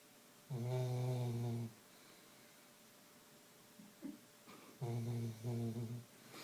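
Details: Snoring in a sleeping Labrador: loud, rumbling, buzzing snores on each breath in a quiet room, with a quiet pause between.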